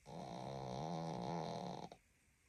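One long, loud, buzzing snore of about two seconds in a quiet room, then silence. Dog snoring.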